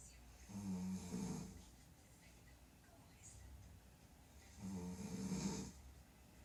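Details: A mother snoring at night in sleep: two loud, rough, low rattling snores about four seconds apart, with quiet breathing between.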